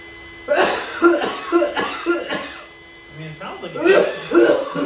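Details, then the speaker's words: Several short, harsh cough bursts in quick succession, a pause, then more coughing; faint steady room buzz. "aside from the coughs, it sounds like a tasty experience from here."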